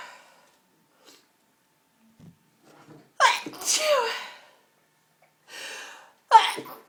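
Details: Three forceful sneezes, each with a quick in-breath and explosive burst, after faint sniffs and rustling, set off by inhaling pepper from a smashed pepper pot.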